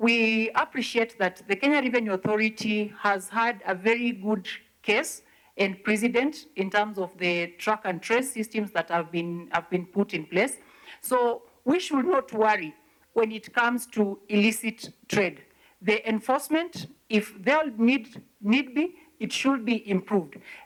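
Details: Adult speaker, likely female; normal speech.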